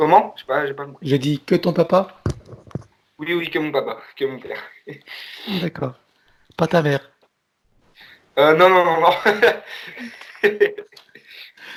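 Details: Man who says he often stutters when he speaks; stuttering.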